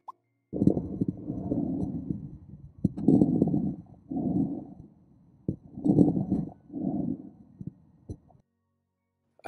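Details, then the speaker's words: Bronchial (tubular) breathing, harsh and hollow in both respiratory phases like breathing through a tube or Darth Vader in his helmet; transmitted through densely consolidated lung, as in pneumonia, notably pneumococcal pneumonia. "une espèce de bruit en forêt qu'on a l'impression que c'est une Dark Vador qui respire dans dans son casque"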